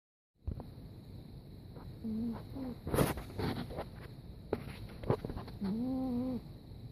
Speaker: Nixon, you're snoring. Do you want a treat?